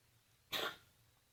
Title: Winston Coughing 11/1/2015 10:06 AM